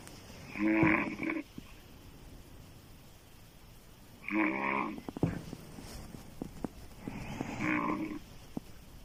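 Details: Woman's loud open-mouth snoring, described as sounding like a man's: three deep, rattling, vibrating snores about a second each, about 18 a minute, with quiet pauses between.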